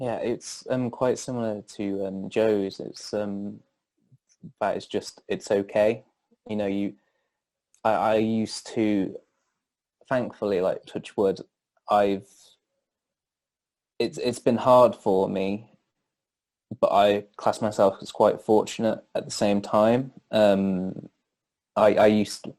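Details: Stuttering in an adult male who stammers.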